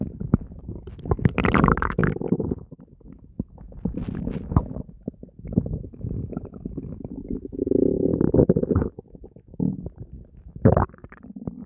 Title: Constant gurgling and deep growls [Stomach noises]